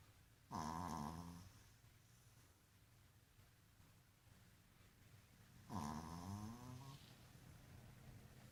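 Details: Loud, drawn-out rattling snoring breaths about five seconds apart over room hum; a dog snoring.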